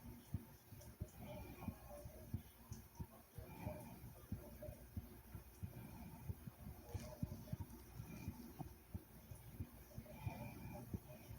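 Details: Soothing, thumping own heartbeat: steady, soft low thumps of an adult heartbeat at roughly 90 beats a minute with faint background rustle; normal heartbeat.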